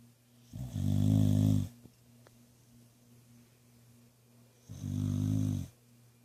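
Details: Faye, an animal awaiting adoption, snoring: loud, buzzing snores on two breaths about four seconds apart with quiet between; ordinary snoring.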